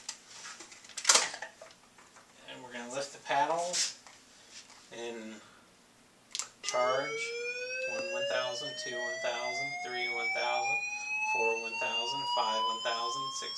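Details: Lifepak defibrillator on preventive-maintenance testing with a defibrillator analyzer, paddles charging: spoken counting, then a rising whine that climbs steadily in pitch as it charges, with counting continuing over it.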